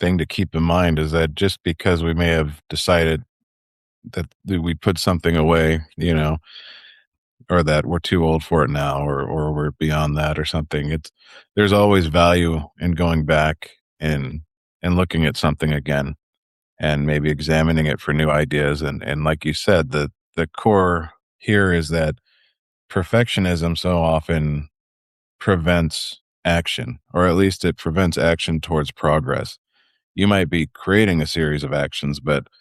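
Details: Adult male speaker; ordinary speech.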